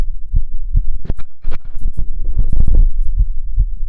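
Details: Self-auscultation of the heart while standing (orthostatic) and sitting: loud, quick, regular heart thumps at a rapid rate with no added sounds; tachycardia with otherwise normal heart sounds.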